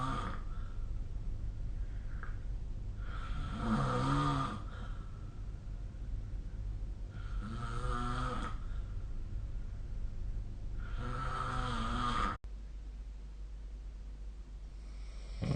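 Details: Snoring recorded with the SnoreLab app: three rumbling snores on inhalation, about 16 breaths a minute, over a steady low background hum.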